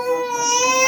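A single sustained, strained infant cry with a clear, steady pitch; ordinary crying in pain after injections.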